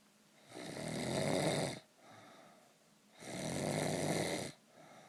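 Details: Person snoring in sleep after a few too many beers: loud rasping snores on each inhalation with quieter exhalations between, about 24 breaths a minute.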